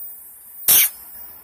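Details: Pregnant female Rottweiler gives a single sharp, hissing sneeze on her owner in a quiet room.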